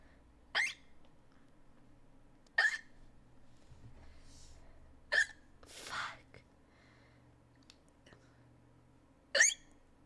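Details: Person about to turn 19, talking, with sharp, squeaky hiccups recurring irregularly, four in ten seconds, faint room noise between.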